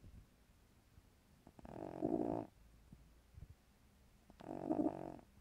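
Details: Female cat over 15 years old asleep: soft, low, fluttering snores about every three seconds with each breath in a quiet room; cat snoring.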